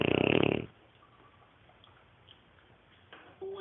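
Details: Neapolitan Mastiff puppy just under 6 months old, sleeping, snoring that the owner calls fairly mild for him: a loud, rattling, fluttering snore, then quiet room noise.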